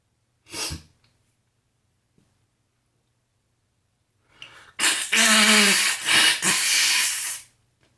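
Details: Sneezing: a brief sharp burst, a quiet pause and inhaled build-up, then a loud drawn-out sneeze, from a person sneezy all morning who is unsure whether it is spring allergies or a cold.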